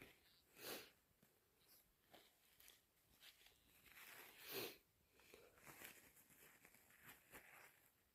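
Quiet, irregular wet sniffs with a couple of louder nasal bursts; congested nose from a head cold.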